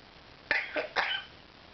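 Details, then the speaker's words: Pet bird with a suspected cold: three quick, sharp, raspy bursts in a row in a quiet room, a cough. "cough oh you sound terrible"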